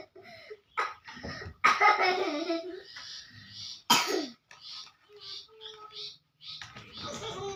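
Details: Child excitedly playing with a dog: short dry coughs mixed with laughter and playful voice sounds; brief cough brought on by play.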